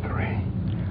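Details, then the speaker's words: Posterior chest auscultation with the stethoscope diaphragm while the patient whispers "1, 2, 3". The whispered words sound unusually loud and clear, which is whispered pectoriloquy and suggests the air-filled lung has become airless. "finally ask the patient to whisper 1 2 3 2 3 when these sounds are louder and clearer than normal whispered pectoriloquy is"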